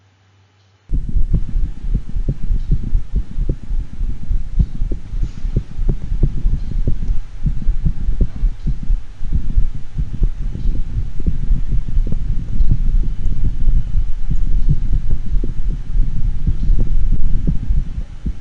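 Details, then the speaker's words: Second of two dogs with atrial fibrillation and a faint gallop: rapid, markedly irregular heart rhythm with no steady pattern. "this second dog that we're going to play next also has atrial fibrillation both of these dogs also have a faint gallop but note the marked irregularity of the heart rhythm"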